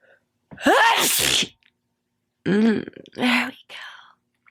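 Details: A loud, forceful wet sneeze with a rising voiced intake and explosive burst, followed by two shorter sneezes and a softer trailing exhale; sneezing.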